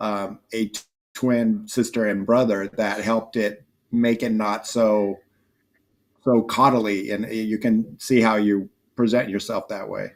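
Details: Dysarthria in a 27-year-old man with spastic quadriplegic cerebral palsy from a brain injury at premature birth (three months early, triplet), affecting his motor function, balance and speech; real, not acted.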